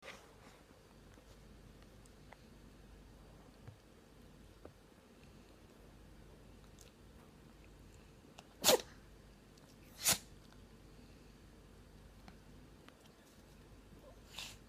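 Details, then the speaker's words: Chihuahua puppy (female) sneezing: two sharp, brief sneezes, a third faint one near the end, over quiet room noise. "You okay, baby girl? You sneezing? Can you just sneeze?"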